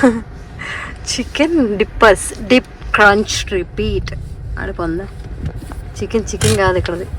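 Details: Adult woman speaking; ordinary speech.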